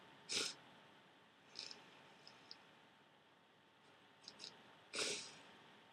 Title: Powerful Cold Sneezing